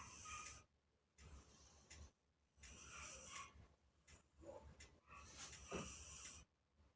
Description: Our British Shorthair Cat Taisia Emerald snores like a real human 😅 Turn up your volume!